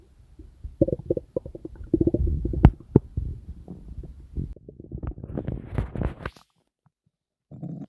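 Irregular low gurgles and bubbling rumbles from the abdomen, ordinary active bowel sounds of digestion.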